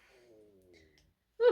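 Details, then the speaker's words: A woman's stomach rumbles while she talks on camera: a faint, wavering, drawn-out tonal growl of ordinary stomach rumbling (borborygmi). "did you hear that that was my stomach hopefully you didn't"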